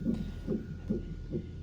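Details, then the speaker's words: Rapid, regular whooshing fetal heartbeat on a hospital monitor, about 140 a minute, at 32 weeks of pregnancy during evaluation for suspected preeclampsia with maternal headache; fetus reported doing great. "But you can hear his heartbeat. Yep. They said he's doing great."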